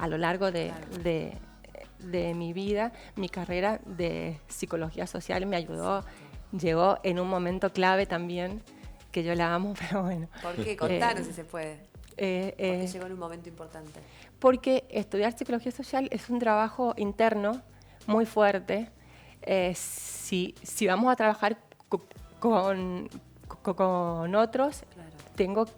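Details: Adult woman, Spanish-speaking, with stuttering ongoing into adulthood, speaking spontaneously; stuttering.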